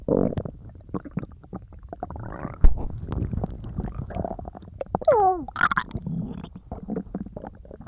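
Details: Stomach rumbling: irregular low gurgles and rumbles with a few rising squeaky tones, ordinary bowel sounds (borborygmi).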